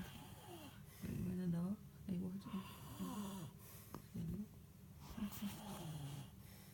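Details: Husband snoring loudly in his sleep: loud, throaty, rumbling breaths with a low rattling vibration, repeated throughout.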